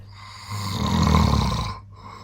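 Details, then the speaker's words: Adult man (father) snoring loudly at night, recording replayed: one loud, deep, rumbling snore on a single breath; heavy snoring. "so last night mum recorded him snoring and it was so loud and then she came in and put it next to my head and started playing it and I thought it was Dad walking and sleepwalking while snoring and it was so funny"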